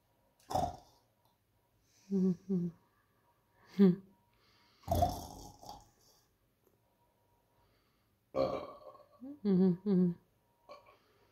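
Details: Repeated burping: several short, low, voiced gulping bursts in quick pairs separated by quiet gaps.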